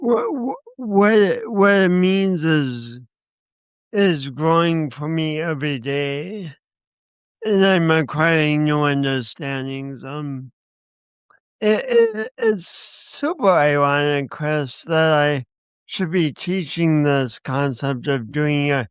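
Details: Man with a speech impediment accompanied by coordination issues, which he says he has not overcome; speech impediment with disfluencies.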